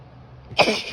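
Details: Female with bad allergies that day: a single sharp, voiced sneeze burst after quiet, with a brief vocal tail; grass allergy sneezing.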